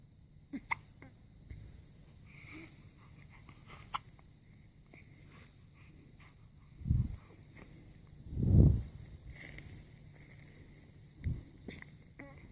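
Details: Newborn baby on day 7. Soft, low, abrupt catches recur at irregular intervals, about four clear ones over twelve seconds, against quiet room noise: newborn hiccups.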